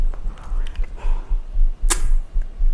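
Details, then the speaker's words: Soft, regular low thumps of an adult's own normal heartbeat picked up by a close microphone, with one sharp click. "지금 들려요. 저의 심장 소리 공유해요."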